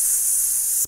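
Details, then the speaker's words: Blood pressure cuff deflation in a teaching demo of the two-step method: the valve opens and air escapes with a steady, high, airy hiss before the Korotkoff sounds. "so we pumped up on this guy up to 160 his cutoff pressure was 130 so we're way up here we open the valve and it's going the air is going out"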